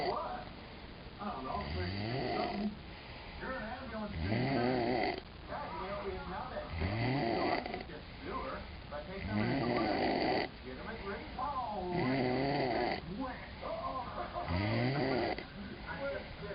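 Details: Man snoring, recorded in New Orleans: loud rattling snores with each breath in, about 24 a minute, with softer breaths out between; snoring.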